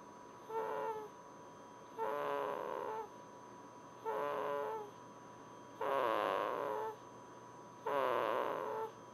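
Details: A sleeping baby makes five whistling, tonal snores about every two seconds, roughly 30 a minute, with a faint steady background tone; snoring.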